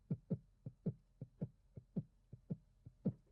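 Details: Tachycardia, a heart rhythm that is too fast, heard as rapid heart sounds in a teaching demonstration of heart function.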